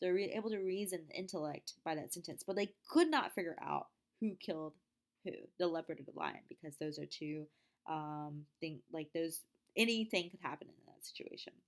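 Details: Wernicke's aphasia (fluent aphasia), imitated: a lecturer reads example sentences of the kind people with Wernicke's aphasia might produce, not a real patient.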